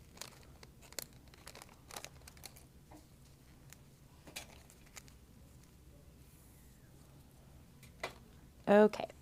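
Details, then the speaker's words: Crinkling and tearing of plastic and paper wrappers in a quiet room as a butterfly needle set and syringe are unwrapped by a phlebotomist before a hand venipuncture on a real patient. "we are going to grab our butterfly collection set and our syringe. We're going to unwrap them and put them together."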